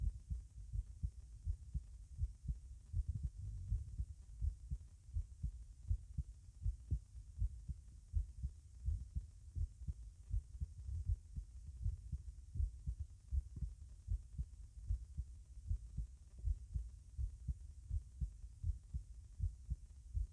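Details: Normal heart sounds over the tricuspid area, lower left chest, with the patient sitting: regular low thumps near 80 a minute.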